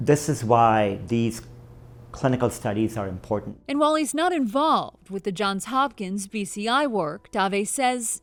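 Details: Adult reporter; Typical speech.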